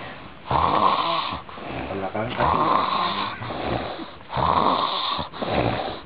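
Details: Loud, rattling snores, one with each breath, around 30 a minute: heavy snoring.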